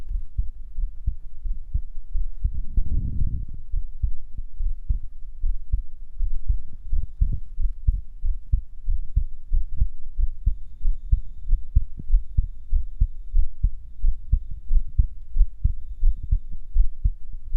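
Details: Pounding adult male heartbeat, strong steady low thumps at about 90 beats per minute, with heavy, faint breathing: heartbeat.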